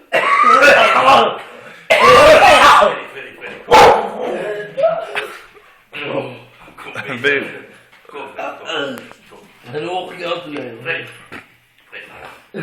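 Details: Unusual cough in a man: three loud, harsh, strained cough bursts, followed by drawn-out voiced groaning sounds and possible dog whines.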